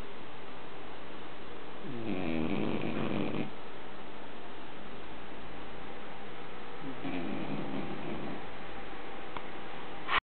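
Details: Sleeping dog snoring: two low, buzzing snores about five seconds apart over a steady background hiss.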